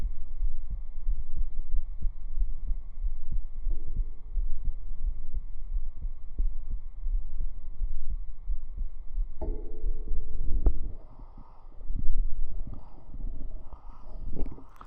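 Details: Steady deep thumping under a constant low hum, then microphone rustling, a real heartbeat recorded up close on the chest with binaural microphones for ASMR; normal heartbeat.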